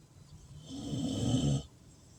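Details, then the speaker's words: A sleeping bulldog that has had a rough day gives one loud, deep, rattling snore lasting about a second, with a hissy edge. "someone said when your bullies snore like that it's because they're living a good life"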